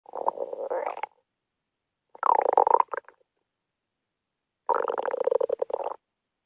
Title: stomach growling